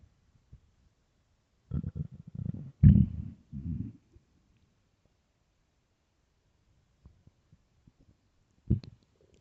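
Low gurgling and rumbling bursts from the belly, then quiet with faint clicks and a final gurgle: stomach growling from a hungry stomach.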